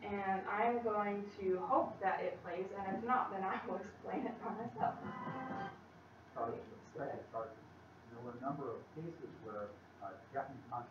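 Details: Female college student who stutters, giving a practice presentation to 10-15 people at her speech therapy clinic; stutters more before unfamiliar people or large audiences and works with a speech-language pathologist on a technique; stuttering.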